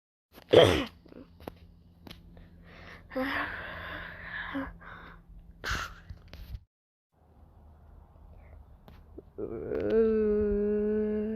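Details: Animated cartoon (Numberblocks) sneezes, not real: a drawn-out voiced build-up, then sharp bursts of air, with a sung or voiced tone at the end.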